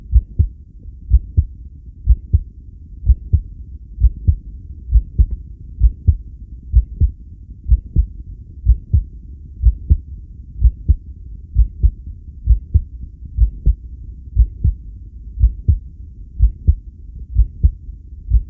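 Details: Own heartbeat recorded during a long breath-hold (10 lead), steady low thumps at about 60 beats a minute; person asks whether the heart reacts normally.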